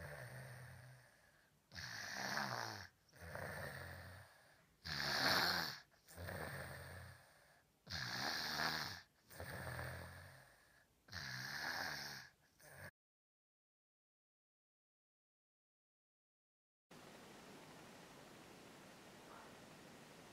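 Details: A 3-year-old child with obstructive sleep apnea from enlarged adenoids, recorded before adenoidectomy, snores loudly and harshly on every breath during sleep; nasal speech was also noted.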